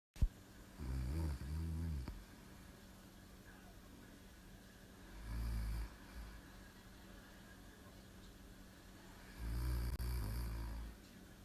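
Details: Live-streamed sleeping recording: three low, rumbling snores at slow, even intervals about every four seconds in a quiet room; ordinary snoring.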